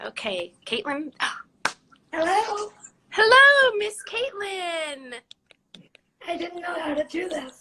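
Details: 17-year-old living with cerebral palsy, speaking spontaneously in a live interview; dysarthric speech in cerebral palsy.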